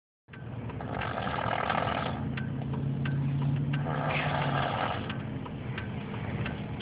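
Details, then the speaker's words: Child snoring heavily like an adult because of a clogged nose: loud, coarse, continuous rumbling snore with faint ticking in the background. "snoring. He's got a clogged nose. Breathe, buddy."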